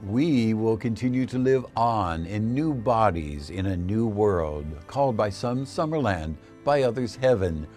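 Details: Adult male narrator; ordinary speech.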